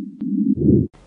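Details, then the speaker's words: Pediatric cardiac auscultation teaching: a pericardial friction rub, likened to hair rubbed between two fingers. It may indicate pericardial effusion or develop after pericardiotomy. "some other abnormal heart sounds you may want to be aware of is a paracardial friction rub this may sound sort of like if you took a piece of hair and rubbed it between two fingers and listened to"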